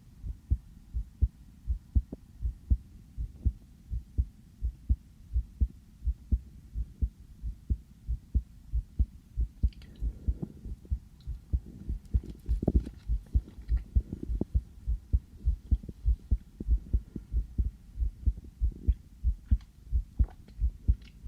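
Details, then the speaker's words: Normal heart sounds heard through a sensitive stethoscope on the speaker's own chest just after coming in from outside: steady, deep lub-dub beats, somewhat quick. "저도 제 심장 소리를 이렇게 크게 듣는 건 처음이네요. 왜 이렇게 빨리 뛰지?"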